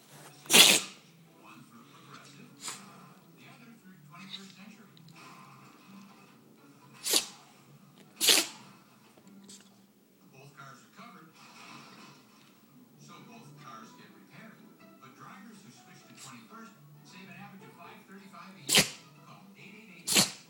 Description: When she starts sneezing there's no stopping it